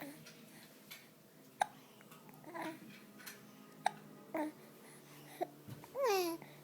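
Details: Hiccups.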